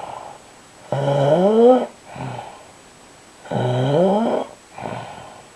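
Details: Adult husband snoring in sleep: loud, rough, droning snores on each in-breath with softer out-breaths, about two cycles every five seconds.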